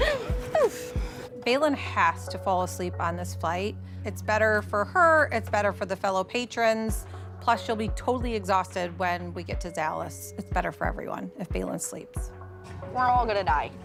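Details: Adult woman speaking; ordinary speech.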